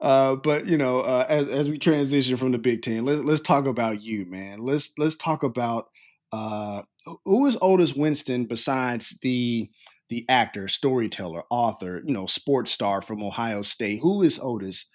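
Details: Adult male speaker; ordinary speech.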